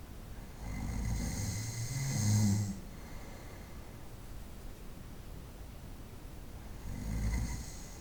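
Two loud, low rumbling snores about five seconds apart with quiet breathing between, typical night-time snoring.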